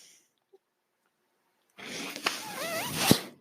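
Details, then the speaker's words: A ventilator heard as the speaker talks, a quiet pause, then a sudden rushing hiss of air with faint whistling as it delivers a breath. Mechanical ventilator sound. "name is that noise you're hearing is like ventilator"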